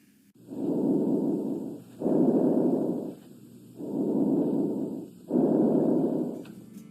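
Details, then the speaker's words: Normal bronchovesicular breath sounds on stethoscope auscultation of the thorax in a nursing health assessment, client breathing through the mouth: inspiration and expiration of similar length and loudness. "normal breath sounds vary from vesicular to bronchial [Music] and bronco vesicular"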